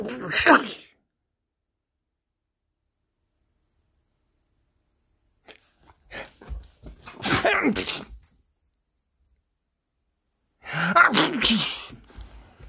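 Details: 97 lb AmStaff mix female dog sneezing in response to a person's faked sneeze: a few short, sharp nasal bursts separated by quiet gaps; dog sneezing.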